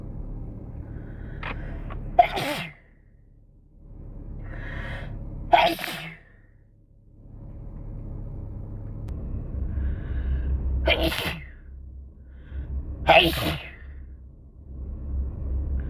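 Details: Sneezing while sick with a cold, many sneezes induced: four forceful sneezes, each after a short breath in, over steady background rumble.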